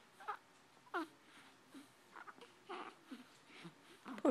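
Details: An infant with a bad case of hiccups: brief, sharp vocal catches recurring at irregular short intervals in a quiet room.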